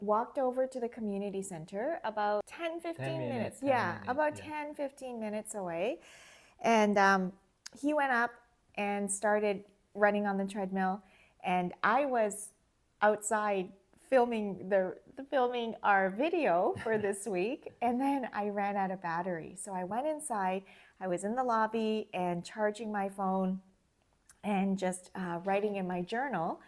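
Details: Adult woman speaking; Normal fluent speech.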